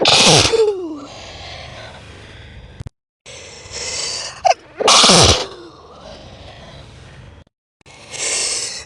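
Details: Several sneezes played back slowed down, so each burst sounds drawn out and lower in pitch.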